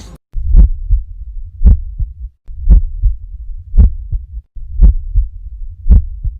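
Regular paired heart sounds at about 56 beats a minute, a louder first sound followed by a softer second, with quiet gaps and a low continuous hum between. Normal heart sounds heard at the apex, with no added sounds or murmur.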